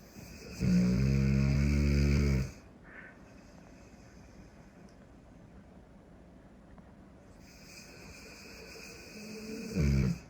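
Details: Sleeping Cane Corso dog snoring: a loud, rattling, buzzing snore on each in-breath, then a long quiet out-breath before the next snore.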